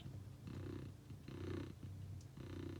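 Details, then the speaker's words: Pet cat snoring loudly while napping on the floor of an electrical cupboard, loud enough to hear from the bathroom; described as a big purr-like rumble. "Tu ronfles drôlement fort quand même, je t'entendais dans la salle de bain, dis donc. Oh mon beau. Enfin voilà, on a retrouvé le chat, j'ai trouvé ce qui faisait ce bruit. C'est juste mon chat qui ronfle"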